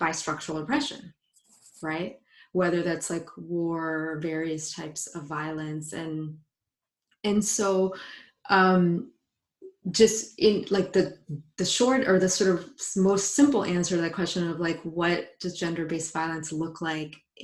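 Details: Adult woman, a psychologist who identifies as a person who stutters, speaking spontaneously in a live panel; stuttering.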